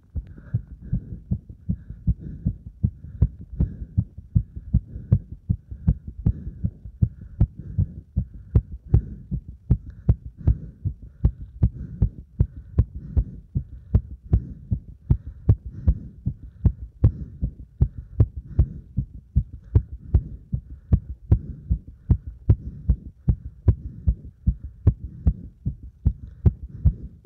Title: バーピー後にディープスクワットで追い込んだ心臓の音